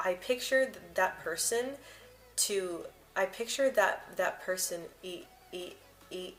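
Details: Adult woman who describes herself as a person who stutters, with frequent word and part-word repetitions and blocks mentioned; stuttering.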